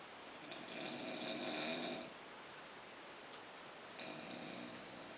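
Long rattling, buzzing breath sounds on two slow breaths against steady hiss: snoring from vibrating soft tissue in the airway during sleep.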